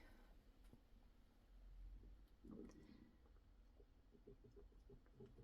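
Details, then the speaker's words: Adult's own stomach rumbling loudly, recorded on a phone microphone in a quiet room; faint low gurgles and bubbling rumbles, possibly linked to a health issue: stomach rumbling (borborygmi). "I don't know how good the um microphone is on my phone, but that is my tummy rumbling. um horrifically and uh yes there might be a health update at the end might explain what that is"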